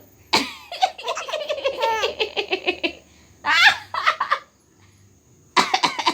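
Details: Brief coughs running straight into bubbly infant laughter, with a short pause between bursts; cough with laughter.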